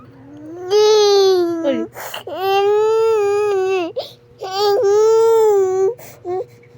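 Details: Baby girl crying in long, loud wails with brief breaths between, about three cries in seven seconds, in a small room with steady background hum; caregiver says the baby is hungry; infant cry.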